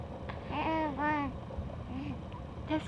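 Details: Five-week-old baby girl making several soft, drawn-out vowel-like coos, normal early vocal play; infant cooing.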